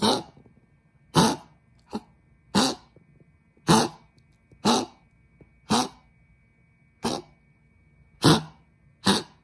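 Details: Dog with laryngeal stenosis coughing, triggered by small temperature changes, nearly to the point of bronchitis, leading to a vet visit: ten harsh, hacking coughs over about ten seconds.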